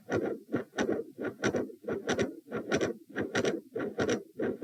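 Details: Heart sounds recorded lying down at position p during an attempted Valsalva provoking manoeuvre: fast, regular beat near 94 a minute with a loud, bouncy midsystolic murmur; 3- and 4-sound patterns are noted.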